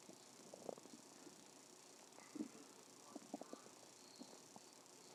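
Soft gurgles and brief squeaky bubbling over a faint hiss; ordinary stomach growling from gas and fluid moving through the gut.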